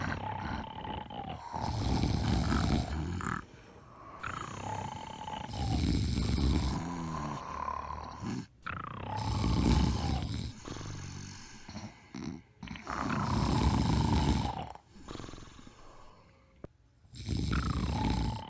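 Loud, rattling snores come on each breath in, about five breaths over the stretch, separated by quieter breathing out.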